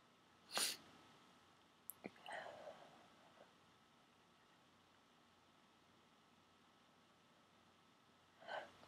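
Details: Sneezing fit of 16-17 forceful sneezes, induced with a plastic garment tag holder: hissing bursts with brief catches of breath in a quiet room, leaving eyes streaming and nose raw and stuffy.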